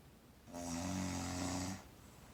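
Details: Snoring: one drawn-out, rumbling, buzzy snore of about a second in a quiet room, from a person sleeping in someone's arms.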